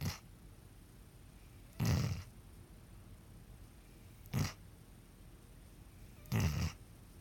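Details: Sleeping pet snoring; deep rumbling snores repeating every two to three seconds with quiet pauses between: snoring.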